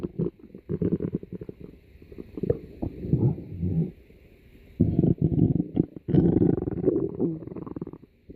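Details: Loud stomach growling (borborygmi): low gurgling and rumbling in long bubbling runs; an ordinary gut sound.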